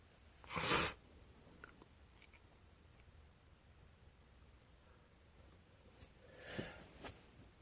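One loud sneeze, then a second softer sneeze, in a quiet room; sneezing with a winter cold.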